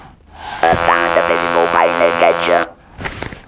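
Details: Electrolarynx speech with buzzing voice quality in a man after total laryngectomy and radiotherapy for laryngeal squamous cell carcinoma.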